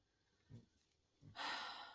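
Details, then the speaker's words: A sleeping pet dog gives two soft, low snorting snores, then a longer breathy exhale, in a quiet room. "And if you can hear the dog, she's snoring."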